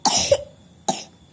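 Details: Two short, harsh coughs from an infant boy, each a sharp burst that fades quickly.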